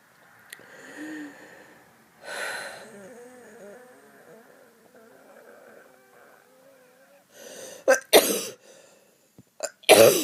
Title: wheat cough and wheezing